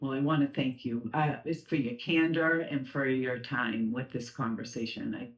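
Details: Adult speaker; typical speech.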